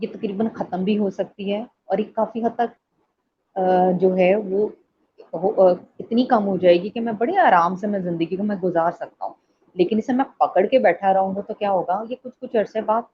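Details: Adult speaker; typical speech.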